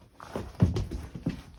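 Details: Puppy (husky/laika litter) gives about three short, low, hoarse coughing bursts; owner suspects kennel cough after commenters suggested it.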